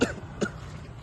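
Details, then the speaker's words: Two short throaty cough bursts with a wet edge, acted in a skit by a man complaining of phlegmy cough; a simulated productive cough. "Siap, saya samarkan saya ada keluhan batuk berdahak, Komandan."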